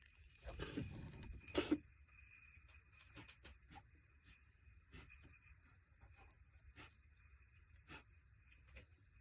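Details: Cat sneezing attack: two sharp, explosive sneezes close together, then quiet light clicking and shuffling; sneezing.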